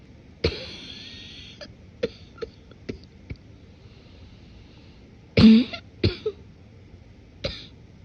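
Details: Morning cough deliberately suppressed and muffled to avoid waking someone: several muffled suppressed coughs and throat clears, congested and wet; muffled wet productive cough.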